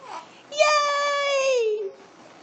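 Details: Standing infant girl who has hiccups and is drooling gives a single drawn-out, falling wail between short breaths; an ordinary infant cry.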